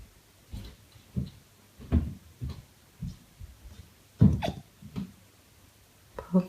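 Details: A puppy makes a series of short, low, abrupt gulping jerks at uneven intervals with a brief whine near the end, seeming confused and annoyed: puppy hiccups.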